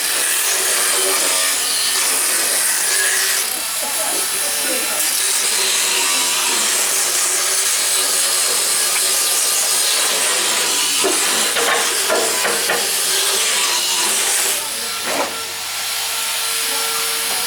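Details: Continuous high grinding buzz with rhythmic scraping strokes and background music: a motorized float rasps the teeth of a horse during a veterinary equine dental exam.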